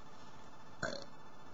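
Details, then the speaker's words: A single short, low, throaty burp from a person burping repeatedly and counting, claiming 13 burps in a row, over quiet room noise. "I can burp 13 times. Ain't that 14?"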